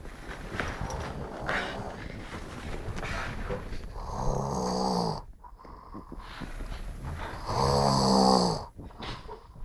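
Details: Person snoring at 6am: loud, rough, vibrating snores on breathing in, two clear snore breaths separated by quieter breathing and faint room noise; snoring.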